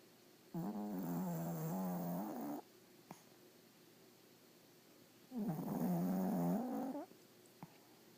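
A small dog snores loudly in two long, rumbling, buzzy breaths, sounding much like a human snorer.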